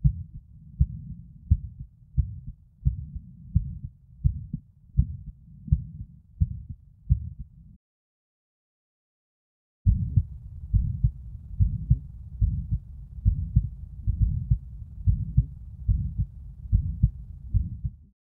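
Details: 11-year-old boy, short of breath running; Thinklabs One digital stethoscope at apex, LLSB, LUSB standing/squatting, RUSB; regular beat, prolonged higher-pitched systolic ejection murmur after S1, louder on standing, decreased squatting; hypertrophic cardiomyopathy on echo, 25 mmHg resting LVOT gradient.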